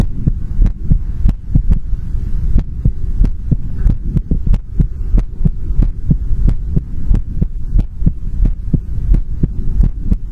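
Steady low thumping heartbeats at about 90 a minute, with a steady low hum underneath; an ordinary heartbeat rhythm.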